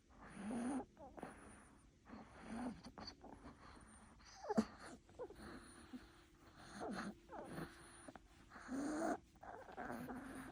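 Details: Wheezing in a dog with a cold and runny nose, heard at night: noisy, whistling, congested breaths about every two seconds; wheezing resolved by the next night and blood tests were normal.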